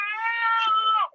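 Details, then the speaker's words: Simulated infant crying from a baby simulator doll in a shaken-baby prevention demonstration: single sustained, high wailing cry. "if that sound that the baby crying is making your blood pressure go up it's making mine go up too and that's the idea usually I have it crying for a lot longer and um it's very stressful when the child is crying"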